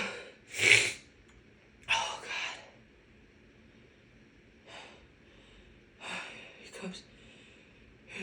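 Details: Woman with a bad cold: several forceful nasal sneeze bursts with sniffs and gasping breaths between; repeated sneezing.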